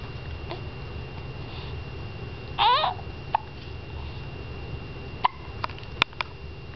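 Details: 7-week-old infant girl with hiccups: several brief, sharp catches with a short voiced squeak in between, in a quiet room; infant hiccups.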